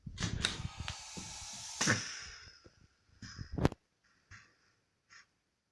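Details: Smart ventilator operating: hissing air bursts and sharp mechanical clicks with brief quiet gaps between.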